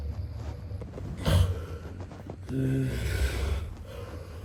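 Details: Man snoring: low, rough rumbling breaths with a brief snorting burst, then a longer droning vibration on the next breath.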